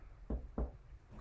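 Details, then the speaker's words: Chest percussion during a head-to-toe assessment, at the second intercostal space of the front chest: two short, low, hollow taps. "Then nextly, I'm going to have some percussion of your chest, okay? Okay. I'm going to percuss and listen to some dull sounds, okay?"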